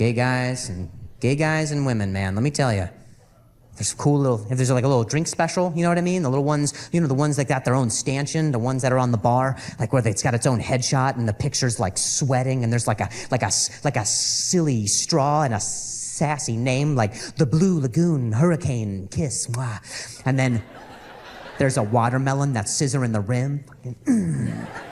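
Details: Real stuttering in an adult male stand-up comedian who describes it as a very mild speech impediment; repetitions of words and phrases are heard during the set.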